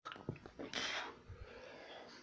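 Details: Person who has sneezing fits daily: a short build-up of breaths, then one sharp, hissing sneeze burst in a small room.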